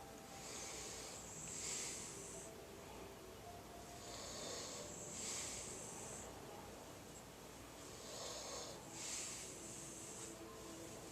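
Soft, whistling, hissy breaths about 16 a minute over steady background noise, consistent with light snoring.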